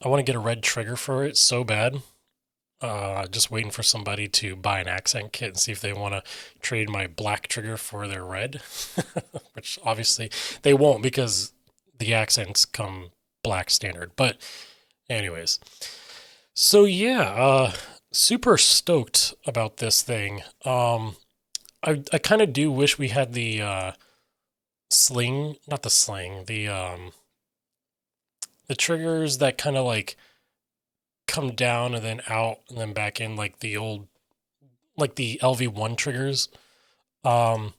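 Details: Aphasia with word-finding difficulty in an adult male who reports trouble getting words out, sometimes substituting other words then trying to get back, describing his speech as scattered.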